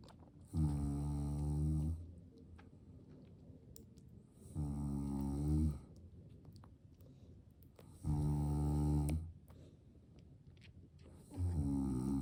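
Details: Father sleeping peacefully with a baby nearby: loud, deep, rattling snores repeating about every three and a half seconds, roughly 17 a minute; ordinary sleep snoring.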